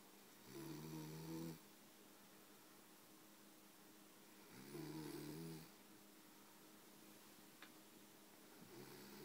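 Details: Man asleep on a sofa, with regular low buzzing snores, each about a second long, roughly every four seconds in a quiet room; snoring.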